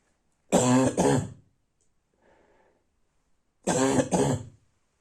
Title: Night barking cough